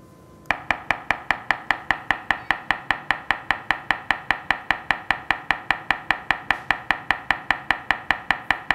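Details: Acoustic pharyngometer in adult male undergoing sleep apnea screening (snoring, daytime tiredness), nose pinched, breathing normally through mouthpiece: rapid, perfectly regular sharp clicks about 150 a minute measuring oral airway.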